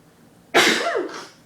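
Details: Sneeze during a challenge to sneeze with eyes open: one sudden explosive burst of air with a voiced, falling cry-like tail.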